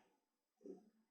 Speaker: I'm sorry, if you can hear my stomach growling, it's crazy. It just is going nuts over here.